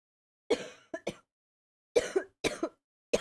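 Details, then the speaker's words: Three brief bursts of coughing and throat clearing, each of one to two quick coughs, in a quiet room, from an adult who is sick and has been coughing a lot. ">> Everything is okay. >> [snorts] >> Okay, baby. Yeah, I'm sick. I'm sick."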